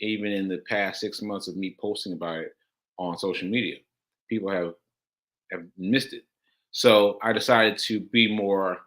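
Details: Aphasia, a language disorder affecting communication, in a male host about six months into recovery since July; he says he experiences it when trying to communicate.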